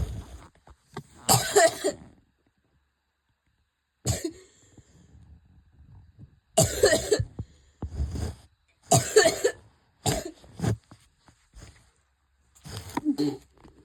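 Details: A coughing fit: repeated harsh cough bursts in clusters with brief gasping pauses.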